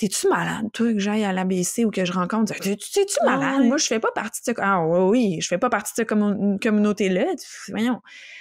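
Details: Stuttering in an adult man who describes himself as a person who stutters and mentions hearing his own blocks; spontaneous French conversational speech.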